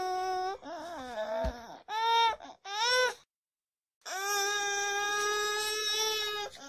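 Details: Newborn baby crying: repeated strong wails with small whimpers between them.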